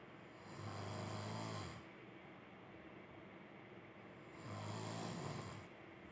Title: Snoring husband 코골이 남편